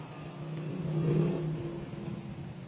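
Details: Steady low motor whir rising and easing as a wrist blood pressure monitor cuff inflates during an automatic measurement; the result read out afterward was diastolic 59 mmHg and heart rate 79 per minute, reported as normal.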